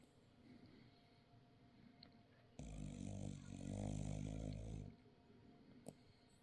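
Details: A single deep, fluttering snore lasting about two seconds against a quiet room; ordinary snoring.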